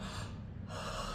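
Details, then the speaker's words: Demonstration of the wrong way to inhale through a spacer attached to a metered-dose inhaler: a short noisy gasp drawn from the throat, where breath should instead be drawn from the lips. "తీసుకోవడం కూడా పెదాల దగ్గర నుంచి తీసుకోవాలి గొంతు దగ్గర నుంచి తీసుకోకూడదు ఇలా పెదాల దగ్గర నుంచి గొంతు దగ్గర నుంచి కాదు"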